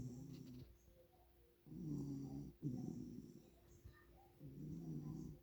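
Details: Low rumbling snores on each breath, with a soft, steady purr in the pauses between them; snoring.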